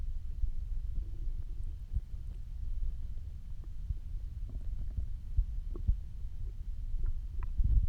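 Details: Low continuous rumbling and gurgling with a few soft bubbly pops, ordinary hunger stomach growling (normal bowel sounds) after almost 24 hours without eating.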